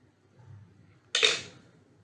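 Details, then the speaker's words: One short, forceful hissing deep inhalation through an incentive spirometer mouthpiece to raise its balls (blue and yellow held up means 900 ml inhaled), lung-capacity exercise for post-COVID patients, repeated 10-15 times. "यदि आपने नीली और पीली दोनों balls को सांस खींचकर ऊपर रोक रखा है इसका मतलब आपने नो 100ml हवा अंदर खींची"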